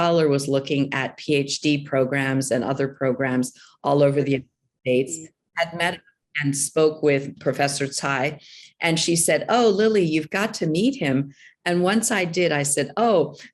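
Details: Adult speaker; Normal voice.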